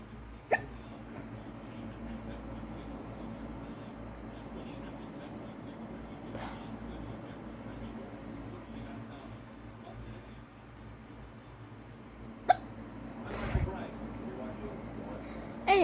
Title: I have hiccups and also this is hiw I would escape from tape if I was kidnapped